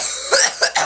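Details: Three quick, harsh cough bursts after smoking from a vape pen (#420, #blinker).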